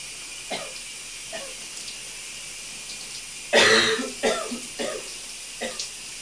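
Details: A few loose, wet coughs and throat clears over steady running water in a steamy shower: a productive cough.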